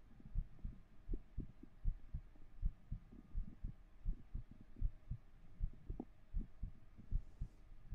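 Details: Soft, low thumps in paired beats, somewhat uneven, about 80 a minute; a heartbeat recorded with a 3Dio binaural microphone during an ASMR stream.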